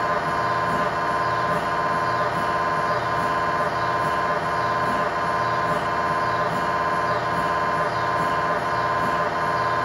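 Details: MRI scanner noise recorded inside the scan room from a GE 1.5T or 3T system: loud, steady mechanical buzzing with rapid regular knocking at about 86 pulses a minute.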